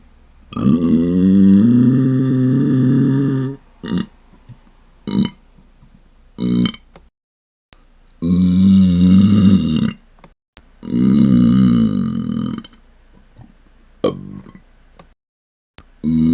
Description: Here's another video filled with closed mouth burps! Hear the muffled rumble! :)